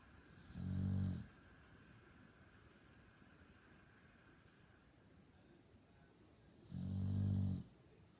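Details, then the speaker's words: Boxer dog asleep, described as snoring like a human: two deep, rumbling snores about six seconds apart in a quiet room, roughly ten breaths a minute; snoring. "stop snoring. Freaking hell, dog."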